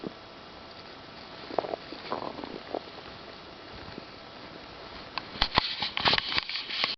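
Irregular gurgles and small pops from the belly over steady background hiss: ordinary stomach rumbling.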